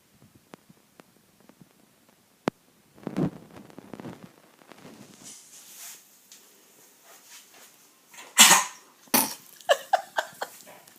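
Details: Dog coughing up a biscuit: a few soft hacks, then two forceful harsh coughs and a quick run of short retching coughs.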